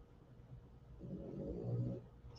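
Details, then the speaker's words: Sleeping rescue dog, held and comfortable, giving a single low rumbling snore that swells and fades over about a second against quiet room noise; snoring. "snoring. Ava can fall asleep like that. She's almost like a baby."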